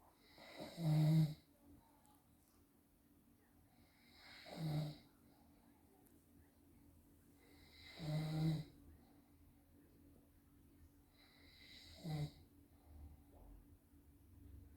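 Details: Father filmed by his wife or daughter because he doubts that he snores: four loud, low rattling snores, about eight breaths a minute, with quiet pauses between.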